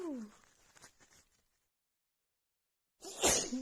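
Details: Female with runny nose after an hour outside in cold snowy weather, plus dust: a softer voiced sound, quiet gap, then a forceful sneeze; part of a sneezing fit.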